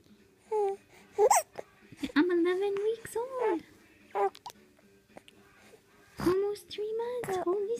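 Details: Infant girl with hiccups, fussing and cooing, with short abrupt hiccup catches breaking into the sounds.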